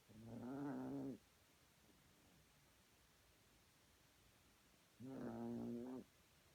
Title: snoring